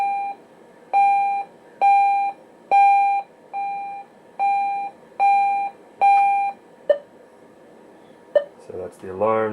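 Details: Repeated loud electronic alarm beeps, about 70 a minute, then a few single chirps and a brief voice: alarm from a Datascope Passport patient monitor, hospital surplus, being powered up and tested during a teardown.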